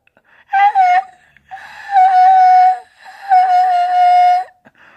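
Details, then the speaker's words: Three steady, high-pitched whistling tones up to about a second each from a bone conduction hearing aid being put on; hearing aid feedback whistling. "To introduce this special spark conductor hearing aid, make sure the battery door open, put it on, listen, to prevent feedback whistling."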